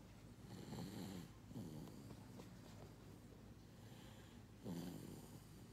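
Low rumbling, fluttering breath noises in two bursts over a steady hum, consistent with snoring.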